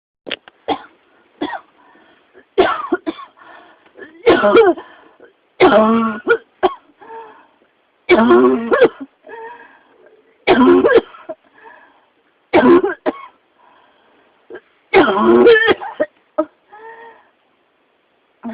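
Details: Persistent coughing fit, with pneumonia (肺炎) named in the caption: about seven strong, harsh bursts with smaller follow-up coughs: persistent cough.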